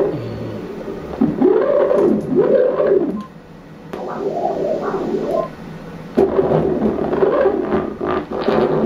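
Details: Doppler ultrasound at 35 weeks of a female fetus: rapid, rhythmic pulsing whooshes with rising and falling pitch; good, normal blood flow in the umbilical cord and a vessel inside the head.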